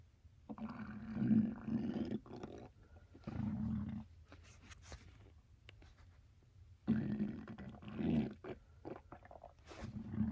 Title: Gtg but my stomach growling going to a party for my little cousin